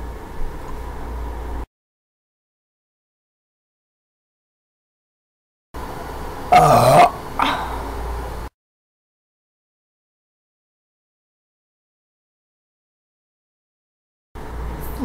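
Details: Two short, rough throat-clearing or burp-like sounds over steady room noise, with silent gaps; throat clearing.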